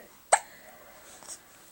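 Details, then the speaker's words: Baby with hiccups, shortly after spitting up, gives a single sharp, abrupt hiccup with a quick catch of breath, then quiet room sound; hiccup. "you got hiccups you got hiccups did we get all your spit up"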